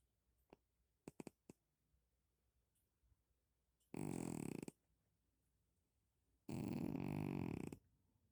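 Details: Cat snoring while asleep: a few soft clicks, then two loud, deep, rattling snores of about a second each that sound like a person's snoring.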